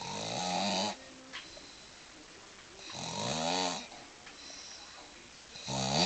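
Three loud, rough, drawn-out inhaled snores with quieter breathing between, roughly 20 breaths a minute; ordinary snoring.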